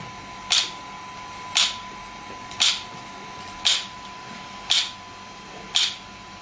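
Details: Sharp, regular clicking pulses about once a second (57 per minute) over a quiet hum: an SW5S shockwave therapy device delivering pulses after gel is applied, with the patient's feet placed up. The device is used for ED and plantar fasciitis.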